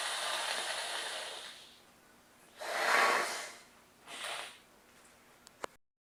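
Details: Nose blowing while having a cold: two strong, hissing rushes of air forced through the nose, followed by a few faint clicks.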